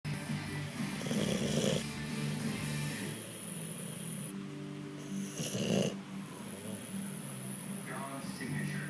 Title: Snoring Boxer